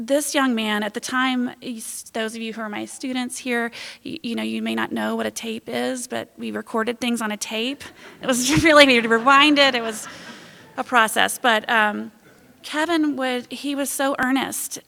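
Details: Adult woman speaking; ordinary speech.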